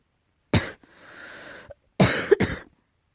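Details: Coughing, tagged as allergy: three sharp, forceful coughs with a hoarse, rasping breath between them.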